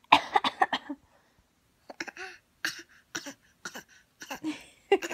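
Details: A 5-month-old infant imitates her mother's coughing with short, light cough-like bursts in quick groups; a playful imitated cough, not illness.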